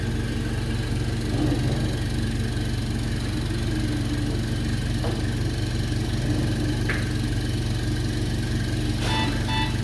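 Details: A ventilator running its calibration cycle while being prepared for an intubated patient: a loud, steady mechanical rumble with rhythmic pulsing and a brief beep near the end.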